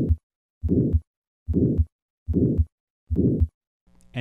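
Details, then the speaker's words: Aortic valve sclerosis: regular heartbeat about 70 a minute with a soft rough murmur filling early systole; aortic sclerosis murmur, presented for comparison with an innocent murmur. "listen first to a patient with aortic sclerosis and compare that to an innocent murmur first aortic sclerosis"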